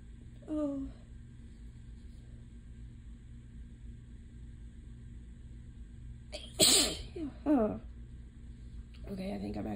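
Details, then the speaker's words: A quick sneeze, then a pair of loud sneezes several seconds later, with quiet room noise between, from a person with itchy eyes and nose, runny nose, hoarse voice and cough, thought to be allergies rather than a cold; sneezing. "actually done with the sneezing for now um God I'm a mess"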